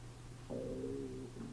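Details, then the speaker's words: Adult's stomach gives a brief, tonal, gurgling growl at lunchtime while they paint. Ordinary hunger rumble (borborygmi). "that was my stomach I hope you didn't hear that it is lunch time"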